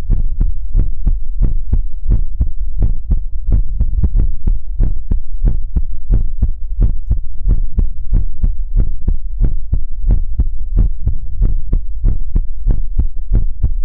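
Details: Heartbeat in an ASMR livestream: steady, deep, regular thumping, loud and close, with no other sounds.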